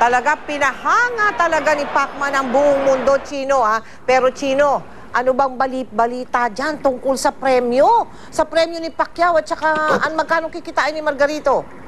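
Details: Adult woman speaking; normal voice.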